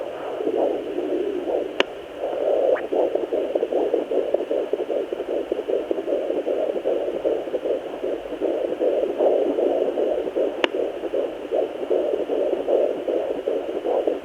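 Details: Home Doppler at 17 weeks of an IVF twin pregnancy: rapid whooshing fetal heartbeat about 150 a minute with a steady hiss behind it.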